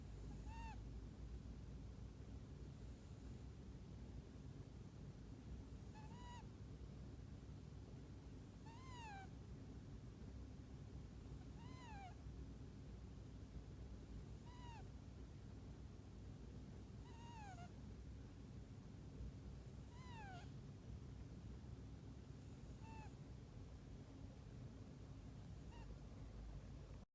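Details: Kitten snoring with soft, high, squeaky whistles on each breath, about 21 breaths a minute.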